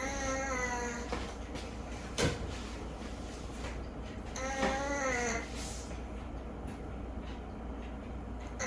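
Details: Rescued cat whose nose always seems slightly blocked, snoring louder than usual while asleep: whistling, squeaky noises on the breaths among quiet background sounds; snoring through a partly blocked nose.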